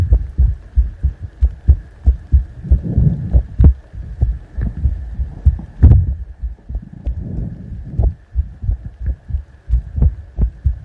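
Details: ASMR heartbeat recording: steady low thumping heartbeat, about 94 beats a minute, with a faint hum and soft handling noises.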